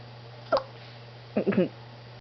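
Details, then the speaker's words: One-month-old baby boy with hiccups: brief, sudden hiccup sounds, each with a small catch in the voice, over a steady electrical hum. "When you're trying to eat and you get the hiccups it it It's very frustrating when I'm trying to eat And I get to hiccups isn't it"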